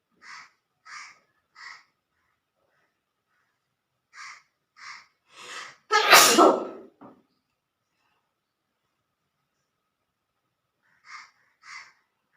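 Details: Provoked sneeze during a sneezing challenge: quick sniffing breaths build to one loud, forceful sneeze, followed later by more short sniffs.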